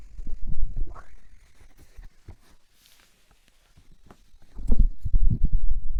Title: ADMR stomach noises (stomach sounds) stomach growling